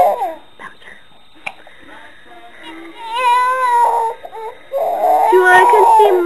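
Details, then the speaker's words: Baby crying after being startled by mother's loud sneeze: quiet fussing, then rising wavering wails with brief pauses, while being comforted; infant cry. "Mama M and you cry it's [Music] okay don't be sad don't be sad don't be sad"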